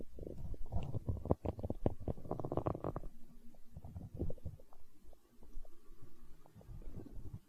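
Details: ASMR recording of a growling stomach tagged as hunger sounds: low gurgling and rumbling bursts from the abdomen as gas and fluid move; stomach growling (borborygmi).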